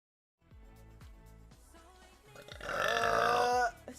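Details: Deep burping: a few short low burps, then one long, loud, deep burp, with faint music in the background.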